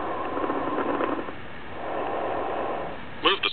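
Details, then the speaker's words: Diminished breath sounds on a patient simulator (SAM) with the stethoscope on the lower lung: faint, muffled breath noise rising and falling, softer than expected, then a brief click. "to illustrate diminished lower lung sounds place the stethoscope on the lower lung"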